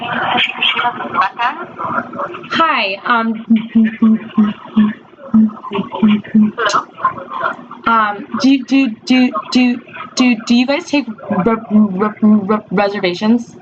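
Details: Real telephone call by an adult woman who stammers, markedly disfluent with sound repetitions; stuttering.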